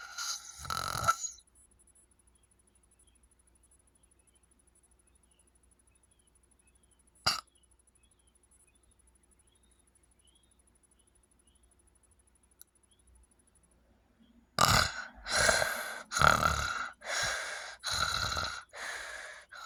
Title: snoring loud with sleep apnea